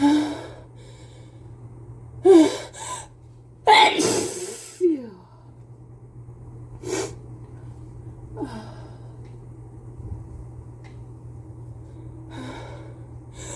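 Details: Person with a cold sneezing into a face mask: several gasping inhalations and a forceful muffled sneeze, followed by softer sniffs and breaths.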